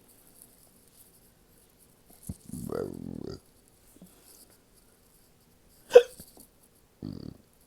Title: Hiccup Burps